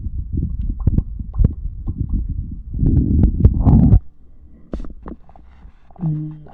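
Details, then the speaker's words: Bowel sounds picked up close to the abdomen with a 3Dio binaural microphone while the heartbeat was faint: low, busy, irregular gurgling and rumbling. "The heartbeat's low today. I can hear my tummy though."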